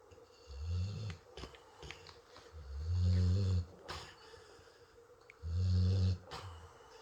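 Deep, rumbling low-pitched snores on each inhalation, about 24 a minute, with quieter snuffling between them in a small room.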